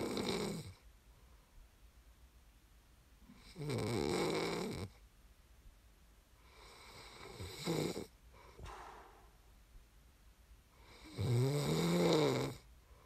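Three loud rough snores on the in-breath, roughly every four seconds, with quiet breathing between; typical sleep snoring.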